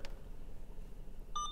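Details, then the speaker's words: Brief electronic chirp after quiet room noise: the power-down signal of an Alaris 8120 PCA pump module, heard while the channel-off button is held; a training demonstration. "chirp, let go and now you've powered down your PCA."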